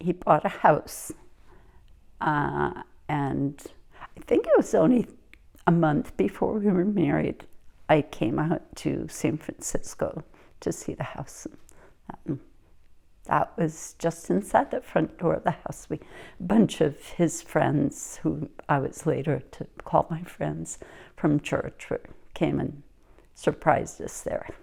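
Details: Adult woman speaking; typical speech.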